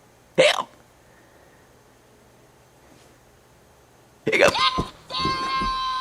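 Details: A sharp, brief hiccup, a pause, then another hiccup mixed with a short voiced sound and some background noise: hiccups.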